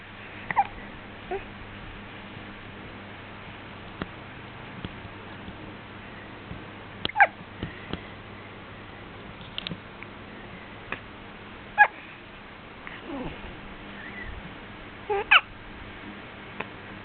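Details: Hiccups: faint, sharp, abrupt catches recurring every few seconds in a quiet room.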